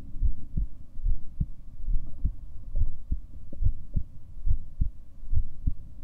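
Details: Recording of the person's own heartbeat: steady, low thumps at about 70 beats per minute with some low background hum.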